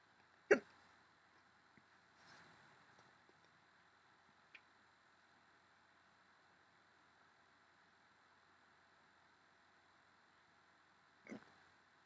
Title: Hiccups once again!